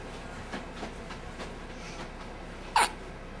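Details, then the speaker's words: A newborn baby hiccuping on her first day home: a quiet room with faint soft sounds, then one sharp, brief hiccup. "she's hicuping watch hicup hicup ba hickup ba sophie give me a good hickup"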